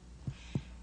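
Two short, flat, low thuds from finger percussion over the left flank, with no hollow ring: normal splenic dullness.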